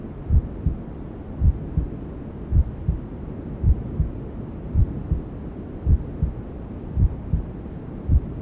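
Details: Newborn sleep ASMR: steady low double thumps of a mother's heartbeat, about 54 a minute, under constant white-noise hiss, with womb sounds as heard by a fetus.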